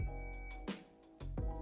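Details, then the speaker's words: Oticon hearing aid, held in the palm, gives a little high-pitched whistling from acoustic feedback as its feedback system works to suppress it. The device is meant for significant hearing loss. "Конечно, когда я держу устройство в ладони, оно начинает немного свистеть, но видно, что система пытается"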